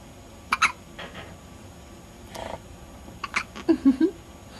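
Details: Small child with hiccups: several brief, abrupt voiced catches at irregular intervals, some in pairs, over faint room noise.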